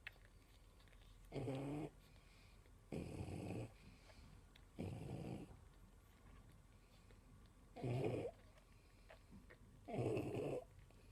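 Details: Babe, a pug, asleep while nursing her six 4-day-old puppies: five loud, rattling snore bursts at irregular intervals, about 28 a minute, with quiet gaps; snoring.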